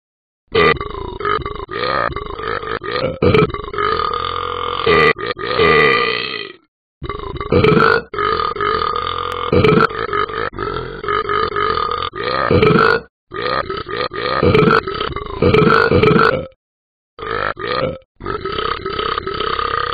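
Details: Burping by the animated dog character Ben from the Talking Ben app, not a real animal: about four long, loud, drawn-out belches in a row with brief pauses.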